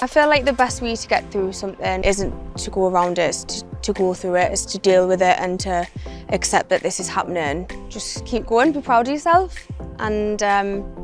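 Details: 26-year-old woman with functional neurological disorder and foreign accent syndrome; the accent appeared after she woke from a migraine with her speech gone, and she also has episodes of speech loss: foreign accent syndrome.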